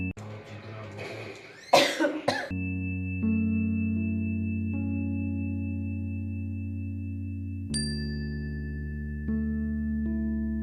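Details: Dry cough from an adult woman with a cold, hoarse voice and fever two days earlier: two short, harsh cough bursts, followed by sustained background music.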